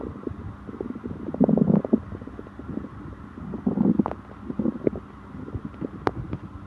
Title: Stomach upset after eating (stomach growling)